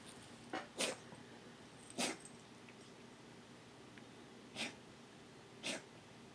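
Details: Pet coughing, recorded for vet: five brief sharp hissing bursts of air irregularly spaced over six seconds, sneeze-like quality.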